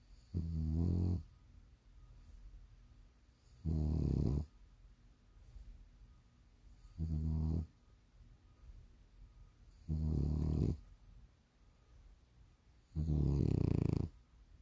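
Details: Bulldog sleeping in the morning, snoring: five deep, buzzing, vibrating snores about three seconds apart, around 20 breaths a minute, quiet pauses between.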